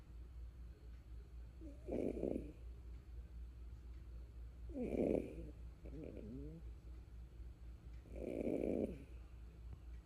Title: Do Kangaroos snore? Turn up your sound and find out. #kangaroos #cuteness #animals #funny